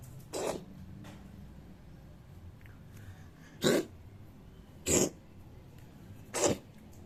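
A cat gives four short, sharp, airy bursts a second or more apart, fitting coughing, in a quiet room.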